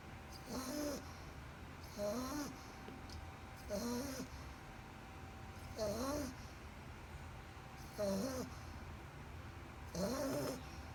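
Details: Two-month-old English bulldog puppy snoring loudly and regularly, about 30 breaths a minute, each snore a fluttering, squeaky rattle with a hissy edge: super snoring.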